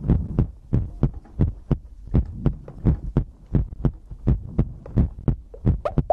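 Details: ASMR heartbeat-and-breathing compilation recording: deep thudding heartbeat at about 85 beats a minute, somewhat uneven in spacing, with soft breathing underneath; heartbeat.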